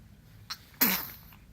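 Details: A quick sharp intake, then one loud, explosive, hissing burst from a person that fades over half a second. A single sneeze.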